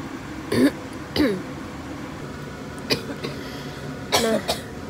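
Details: Several short, dry coughs and throat clears over low room noise, with a hoarse voice: a lingering cough after recovering from COVID-19 that persisted despite three kinds of cough medicine.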